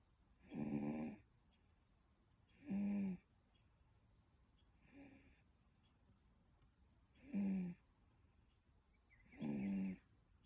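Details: Rhythmic snoring during sleep, about five loud rumbling breaths with quiet pauses between, roughly every two seconds, in a quiet room. Snoring.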